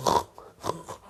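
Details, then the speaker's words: Adult imitating the heavy, high-rate breathing of someone asleep on the back: a loud, rough, snore-like breath, contrasted with gentle nasal breathing on the side; snoring-type heavy mouth breathing. "the noise of someone's breathing when they're asleep I think is called snoring that's what it is"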